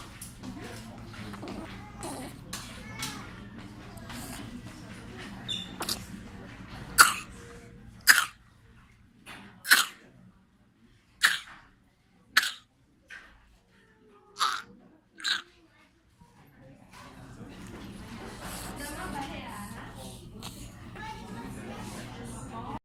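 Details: A 1-month-old infant gives a run of about eight sharp, closely spaced coughs, typical of a whooping cough spell; pertussis (whooping cough).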